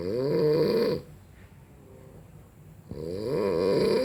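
Loud rattling snores on the in-breath with a quiet pause between; ordinary snoring.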